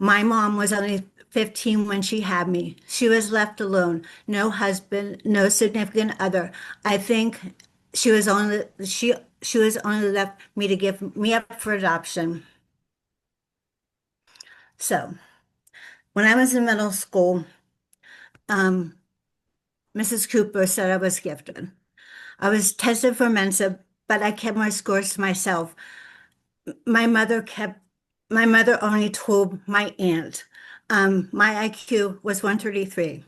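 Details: Adult woman with lifelong post-stroke aphasia after a severe stroke in 2012, real, speaking in an aphasia support group, with difficulty putting words together; aphasia.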